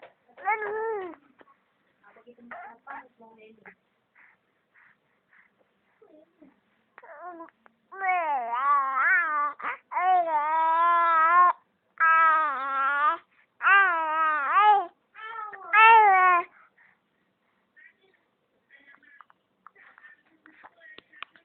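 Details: Infant with hiccups: rhythmic, wavering cries in repeated bursts with short pauses between them, after some quiet fussing: infant crying.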